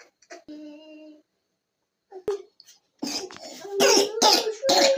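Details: A young child, whose cough medicine did not help, gives a brief soft hum, a pause, then a close run of three or four harsh, wet-sounding coughs in a quiet room.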